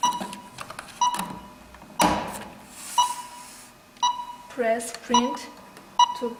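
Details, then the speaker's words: BIOBASE DM7000 defibrillator monitor with ECG cable connected, showing a no-paper alert; repeated steady beeps about every second, with printer and handling noises while paper is loaded. "if the printer is because there's no paper so it shows no paper and then now we put the paper in the device"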